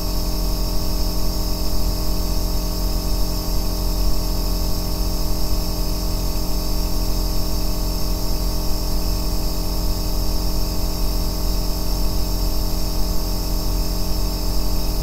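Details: Aerosol nebulizer compressor running continuously: a steady deep humming drone with constant hiss and no breaks, offered as white noise for sleep.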